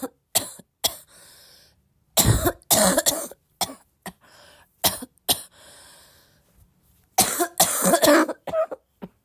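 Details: Girl still sick, coughing a lot, possibly a barking cough: repeated harsh coughing in short bursts and clusters, with some throat clearing and quiet gaps between fits.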